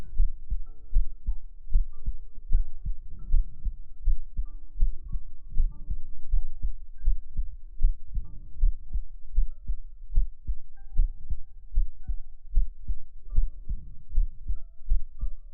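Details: Heart-sound segment of a sleep-aid ASMR stream framed as resting in a mother's embrace: steady, muffled low thumps at about 76 beats a minute with faint soft background tones, a normal heartbeat.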